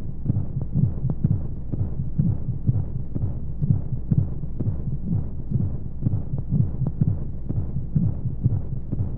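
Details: Womb-sound sleep aid for babies: muffled rhythmic low heartbeat thumps, roughly 125 a minute, at a regular rate under a steady rushing white-noise hum of flowing sounds.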